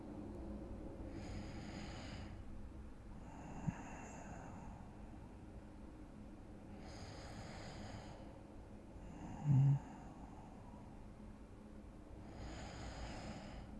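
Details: Acted ASMR role-play of falling asleep next to a boyfriend on a Sunday morning: soft, light, breathy snores at about 13 breaths a minute over a steady low hum; simulated light snoring.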